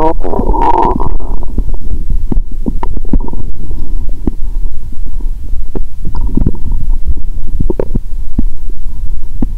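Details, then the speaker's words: Abdomen via stethoscope after 15+ hours fasting, then drinking cola with Mentos: constant loud gurgling and bubbling with frequent pops and clicks, very active bowel sounds; she reports fullness, burping, some pain. ""I think the current sound is noisy when I hear it with a stethoscope." "I hear a lot of loud noises 😂"."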